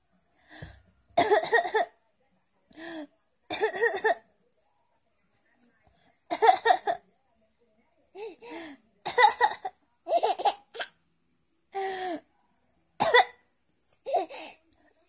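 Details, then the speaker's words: Adult mother coughing deliberately for her laughing baby: several short coughs with pauses between; a plain voluntary cough. "Bunda batuk. Apa sih Mbak? Kok ketawa gitu? Masa Bunda batuk diketawain? Nih."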